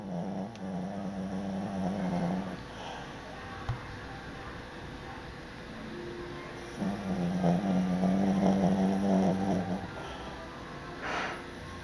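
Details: Dog snoring while resting and taking it easy.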